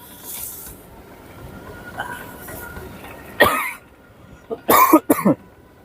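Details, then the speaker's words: Man who woke up unwell with a cold gone to the throat, sore throat and a little phlegm: a throat clear followed by a few short, harsh coughs, faint room noise; cough with throat clearing. "ก็ตื่นขึ้นมานะฮะก็ไม่สบายนะท่านผู้ชมทุกท่านหวัดลงคอนะพี่น้องเอ้ยนะเก็บคอนะเจียบคอแล้วก็รู้สึกมีเสมหะนิดหน่อยนะฮะ"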